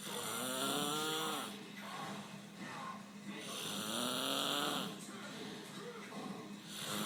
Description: One of the loudest snore I've ever hear...